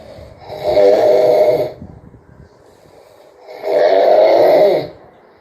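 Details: Father snoring while asleep: two long, loud, rattling inspiratory snores with quiet pauses between them.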